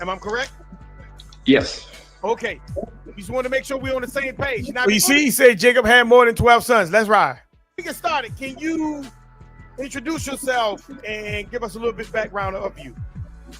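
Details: Adult speakers in conversation; ordinary conversational speech.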